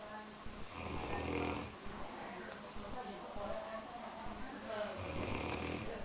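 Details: Two rough, fluttering inhaled snores about four seconds apart, with faint room noise between, from a person asleep; snoring.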